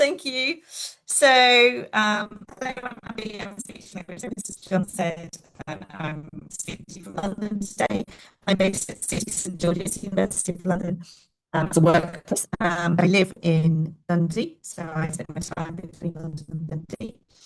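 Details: Adult woman speaking; normal speech.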